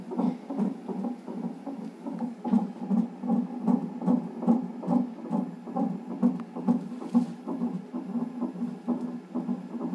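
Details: Non-stress test with reactive results in a pregnancy with polyhydramnios, monitor-only audio: rapid, regular whooshing fetal heart pulses at about 140 a minute on the fetal monitor; fetal heartbeat.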